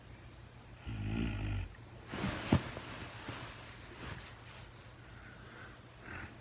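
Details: A woman sleeping in real time, with no talking, gives one low, buzzing snore, then a breath out and quiet breathing over a steady background hiss.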